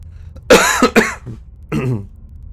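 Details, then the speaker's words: Ill adult with a hoarse voice, a nasty cough and an itchy throat gives two quick, harsh cough bursts, then a shorter voiced cough or throat-clear, over a low hum; cough. "Je vais essayer de ne pas vous exploser les tympans en toussant."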